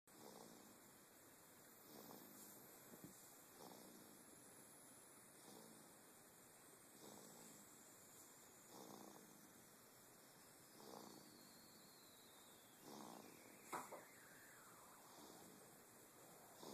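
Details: Baby asleep in a swing: soft, regular snoring breaths about one every two seconds (about 28 a minute) over steady room hiss; snoring.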